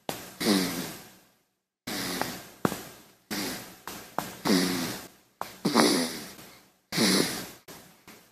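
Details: Sleeping newborn's noisy breaths with soft snorting and sighing sounds, some with a brief voiced tone, at an irregular pace; infant sleep breathing with snoring noises.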